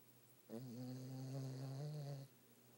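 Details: Snoring from a dog, reported to snore louder than he barks: a single low, steady, buzzing snore lasting under two seconds in a quiet room.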